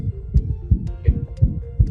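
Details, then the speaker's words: Heart murmur examples played during a veterinary cardiology talk on dogs, heard quietly at low volume. "Y además de los soplos, vean, nada más les voy a poner unos ejemplos de los soplos."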